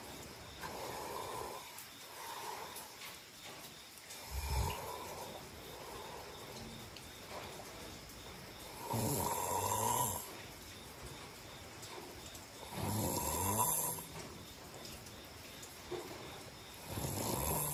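Rough snoring bursts roughly every four seconds, about 16 a minute, over steady room noise: sleep snoring.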